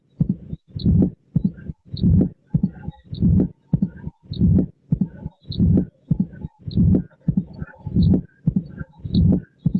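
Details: Mitral stenosis: regular heartbeat about 50 a minute, loud first heart sound, an opening snap after the second sound, then a low diastolic rumble with presystolic accentuation; diastolic murmur heard at the mitral focus.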